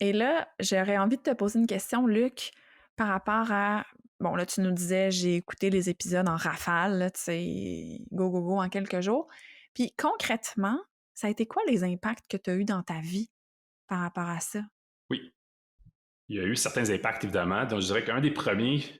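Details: Adult woman speaking French, with a second adult answering at the end; no speech disorder.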